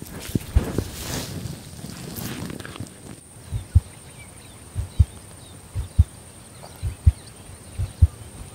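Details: Heartbeat of a female border collie born November 2014, recorded close-up for ASMR while the excitable dog is calmed and told to lie down; normal heart sounds.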